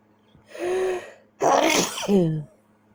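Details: Nighttime sneezing keeping person awake: a sharp voiced inward gasp followed by one forceful explosive sneeze; single sneeze.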